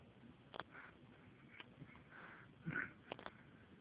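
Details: Several quick, high-pitched, squeaky, oddly animal-like hiccups spaced over a few seconds, heard in a quiet library.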